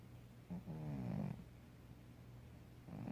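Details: Snoring from a sleeping female cat, unedited real recording: a low, rattling, throaty snore on a breath, then quiet breathing and the start of the next snore.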